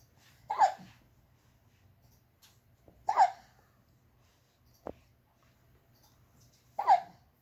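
Three short voiced hiccups about every three seconds, roughly 20 a minute, with quiet pauses between.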